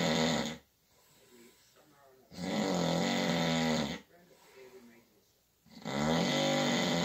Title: Snoring in the dark of the night.